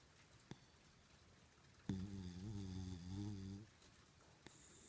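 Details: Dog in deep sleep snoring: one drawn-out, droning snore with a wavering pitch in a quiet room.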